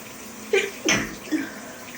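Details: Person with allergies flaring after yard work, sneezing in the shower: three quick sneezes over the steady rush of running shower water; sneezing.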